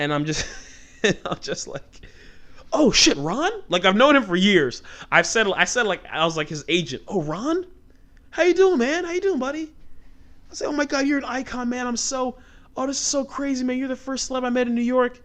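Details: Adult man who has stuttered since childhood; the stutter comes out when he talks fast or gets passionate and fired up, and he remarks on a stutter right after this stretch. Stuttering.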